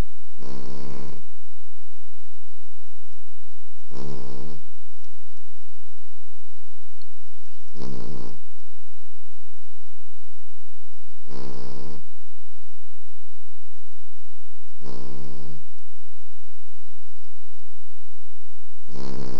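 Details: A pet snoring in its sleep with regular deep, buzzing snores, about 16 a minute, over steady background hiss.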